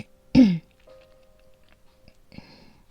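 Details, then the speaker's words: A woman with asthma, feeling an attack coming on in the morning and short of breath, gives a single short voiced cough, then a faint second cough, over quiet background music: asthmatic cough. "ちょっとね、今日も発作気味ですね。はい、ちょっと苦しい。"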